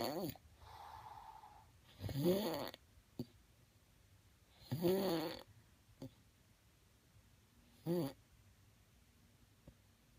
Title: Sir snores a lot